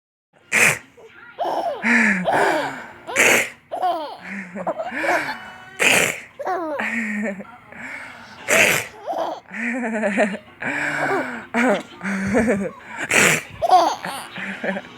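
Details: A baby boy laughs as an adult sneezes: about five sharp, explosive sneezes, each followed by the baby's giggles and laughter.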